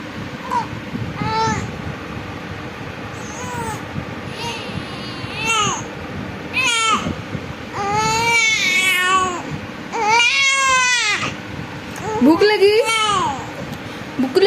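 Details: 45-day-old baby girl gives repeated short rising-falling cries and fussing while crying for milk; infant hunger cry.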